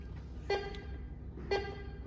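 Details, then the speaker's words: PM5000 12.1-inch multiparameter patient monitor (ECG, NIBP, SpO2, respiration, temperature) in demo mode: two short electronic alarm tones about a second apart over room hum; patient monitor alarm. "Now it's started the demo version. As you listen some alarm sounds."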